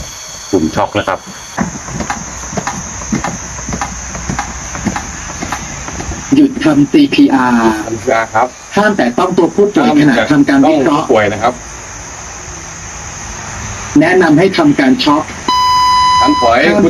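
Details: Electronic AED voice prompts with hissing background and tones, ending in a steady beep, during a CPR and AED training demonstration by a national park rescue centre: the shock-advised sequence and shock delivery.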